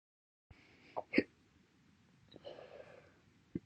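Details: Slow hiccups after breakfast: two or three short, abrupt hiccup sounds spaced apart in a quiet room.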